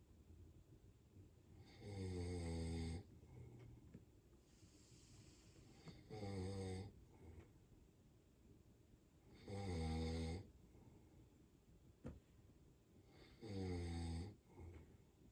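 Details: Four loud, buzzing snores, about 16 a minute, with quieter exhalations between, from a sleeping German Shepherd dog; ordinary sleep snoring.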